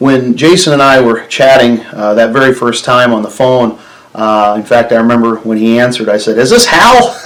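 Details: Adult man speaking; ordinary speech.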